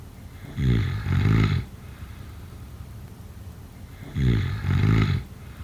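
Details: Snoring during sleep, offered as a sleep sound effect: two loud, fluttering snores on the in-breath, about 3.5 seconds apart, over a steady background hiss; heavy snoring.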